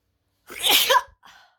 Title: WET SNEEZES, WIDE NOSE AFRICA.